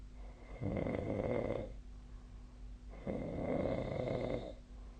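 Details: Snoring during sleep, recorded 2025/01/22: two loud, fluttering snores about 2.5 seconds apart, with a faint steady hum in the room.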